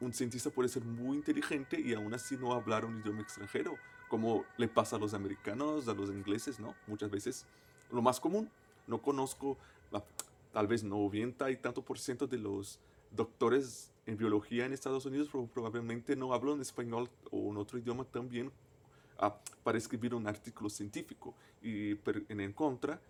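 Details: Adult male native Portuguese speaker who stutters, speaking Spanish as a foreign language; stuttering.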